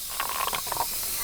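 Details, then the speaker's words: Suction unit set higher drawing water through the tubing to clean the line after disconnecting a Yankauer sucker, in a simulated airway-clearance scenario. A brief hissing, gurgling rush as water is drawn through. "I'm going to turn the suction up it doesn't really matter how much and just suction some water and"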